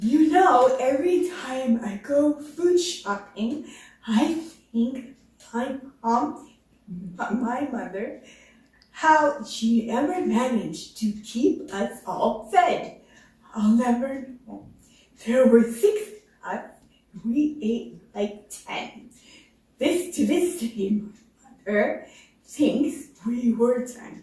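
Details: Adult woman with progressive loss of speaking voice for almost a year, diagnosed by an ENT with muscle tension dysphonia; voice coach suspects spasmodic dysphonia; also hearing-impaired; likely pre-therapy recording: spasmodic dysphonia.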